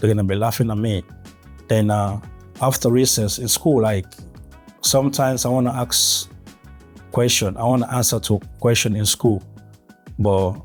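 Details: Adult man who has stuttered since early childhood, with blocks and gaps between words; natural speech; stuttering.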